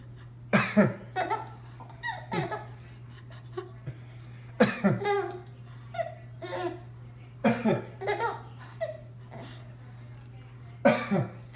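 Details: Several short, sharp coughs from the baby's father, each followed by the baby laughing, over a steady low room hum.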